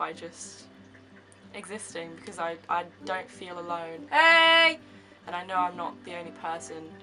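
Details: Young woman with severe Tourette syndrome, with involuntary movements and noises for seven years; medication for her tics was tried and she no longer wants it. Vocal tics include shouted words, swearing, 'hey' and laughing.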